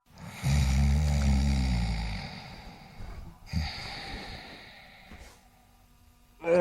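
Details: Snoring in a comedy clip: a deep, loud, rumbling snore on the in-breath, then a long breathy exhale and a shorter second snore; adult snoring.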